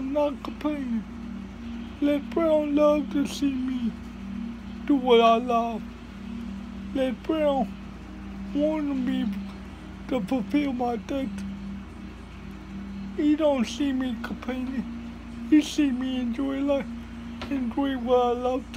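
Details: Dysarthria in a speaker with cerebral palsy giving a motivational talk.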